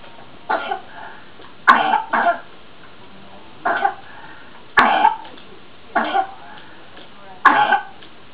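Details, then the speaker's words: Child (little sister), unwell, coughing in the background: six short coughs over about eight seconds, some doubled, heard at a distance against steady room hum. "my little sister's a little bit ill so that's who you can hear coughing in the background"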